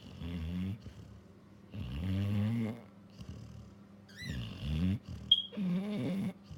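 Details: Labrador dog, female, in deep sleep, twitching all over while snoring: rumbling snores on each breath with soft whimpers between them.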